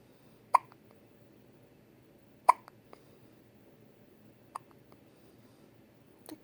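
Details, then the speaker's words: Finley in the hospital with small, sharp hiccups about every two seconds in a quiet room, four in total, the later ones softer: hiccups. "little hiccups, buddy. Finley, did you get the hiccups?"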